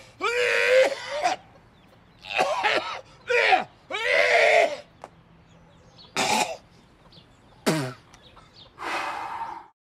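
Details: Acted coughing fit from a film clip: strained, voiced hacking bursts with groaning, throaty tone, then two sharper dry coughs and a final rasping exhale.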